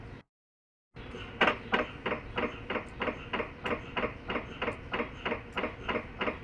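Regular knocking ticks at about three per second from an MRI scanner inside the scan room, after a brief silence.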